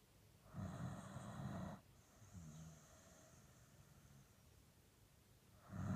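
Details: Sleeping Dandie Dinmont Terrier dog, happily snoring; low rumbling snores with a softer whistling breath between, slow and quiet; snoring.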